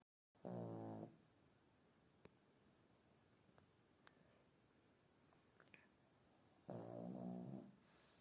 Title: snoring loudly